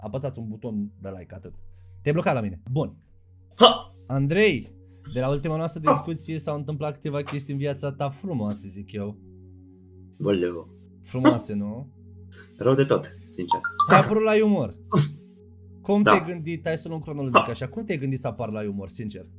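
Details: Adult male speaker, over steady background music; normal speech.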